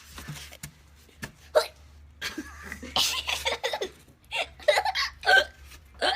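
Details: Several short, abrupt hiccups during a live broadcast, mixed with laughter over a steady low room hum; hiccups.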